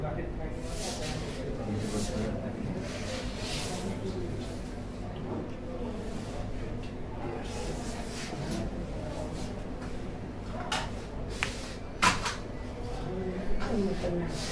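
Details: Vocal tics in a male patient with Tourette syndrome, a neurological developmental disorder, alongside motor tics in different body parts; onset before age 18, lasting at least one year.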